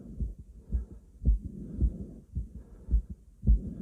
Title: Stething myself (heartbeat sound, heavy breathing sound)